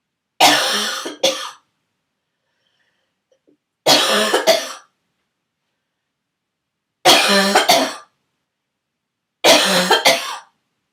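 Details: Four harsh, hoarse cough bouts, each a loud burst followed quickly by a shorter second one, from a sick person whose throaty cough turned barking for the first time; barking cough.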